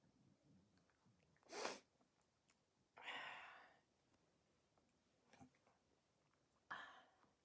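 Three bursting sneezes with a small sniff between, in a quiet room; sneezing.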